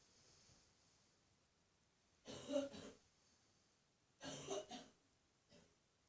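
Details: Adult woman with a chest cough after catching a throat infection: two harsh, chesty coughing bouts in a small echoing bathroom, then a faint third cough.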